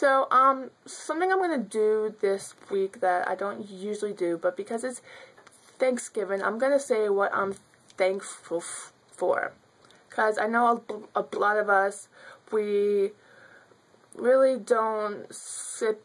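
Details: Stuttering in an adult woman who has stuttered since childhood.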